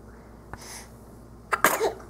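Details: Infant sneezes while being coaxed to say "Mama", recorded 2-13-12: sneeze.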